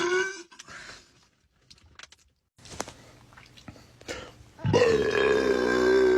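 A few short throaty gulping sounds, then a long low drawn-out belch; burping.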